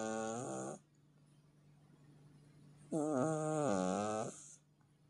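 Two loud, drawn-out vibrating breath sounds with a tonal, whistling quality, separated by a quiet pause; loud snoring from a cat.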